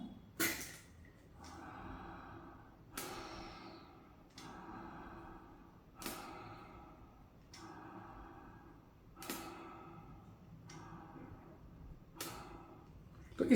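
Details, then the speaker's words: Demonstration of a metered-dose inhaler of inhaled corticosteroid, shaken, inverted into a spacer with a face mask sealed on a small child; a sharp spray puff, then about eight even breaths with valve clicks, about 40/min, over 30 seconds. "First shake it इसको उल्टा करके लगाना है यहां पर इस तरह से लगाना है कि सील बने इधर से वे से ना हो प्रेस करना है"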